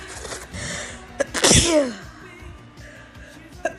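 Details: Loud, forceful sneeze with a voiced cry at its peak, part of a run of repeated sneezes looped into an 8½-minute edit with music behind: a sneezing fit.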